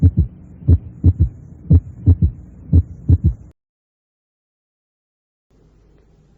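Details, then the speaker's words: Heart sounds near 60 beats a minute: each S1–S2 pair trailed by a soft, low early-diastolic third sound. Right-sided S3, best heard along the left sternal border, usually louder on inspiration. "En la insuficiencia del ventrículo derecho escuche otra vez un tercer ruido"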